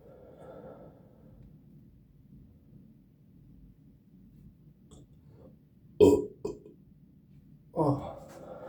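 Quiet room, then two loud short belches close together and a longer third one; ordinary burping after a fizzy drink.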